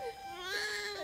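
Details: Brief, high, wavering cry from a newborn girl just after an unexpected C-section delivery, with quiet room sound around it; a newborn cry.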